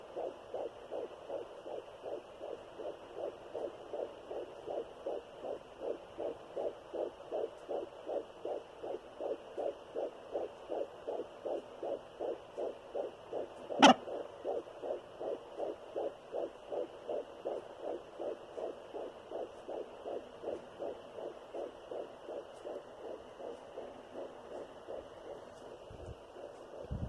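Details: Fetal heartbeat at 12 weeks of pregnancy (third pregnancy after two miscarriages), taken with a Sonoline B fetal Doppler with a 3 MHz probe: rapid, regular whooshing at about 155–160 beats a minute with a steady hum.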